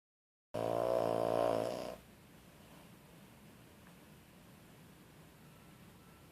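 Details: Animal sedated by a quarter tablet of Tramadol gives one loud, buzzing, rattling snore lasting about a second and a half while asleep.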